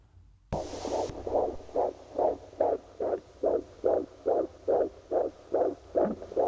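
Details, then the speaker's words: Fetal heart rate recording played as an example: rapid, regular whooshing pulses of a fetal heartbeat on Doppler, about 140 beats a minute. "So you all know what this is a fetal heart rate."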